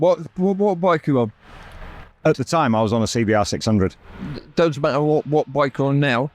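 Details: Real adult man with persisting aphasia after a near-fatal stroke that paralysed his right side; he had to relearn speech, leaving hospital able to say only three words, and still knows what he means but the words come out differently.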